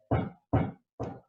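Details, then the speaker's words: Classroom demonstration of percussion: finger pressed on a notebook held down with the palm, tapped with the other finger, giving a duller, flatter note than over the chest; dull percussion note (dullness). "Eso es como más mate."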